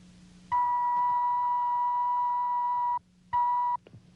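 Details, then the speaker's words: Simulated TV-drama audiometry: a sample pure tone of about 2.5 seconds, then a short repeat, played through earphones to a man with otosclerosis and about one-third hearing loss, before the audiometric test; audiometer test tone. "first a set of earphones is adjusted to the patient's ears and he is asked to listen carefully a sample tone is given him like this"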